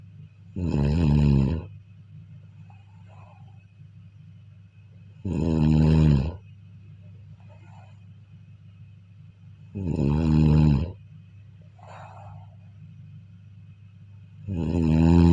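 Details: Sleep snoring: deep, rumbling snores about 13 times a minute, separated by quiet breathing, over a low steady room hum.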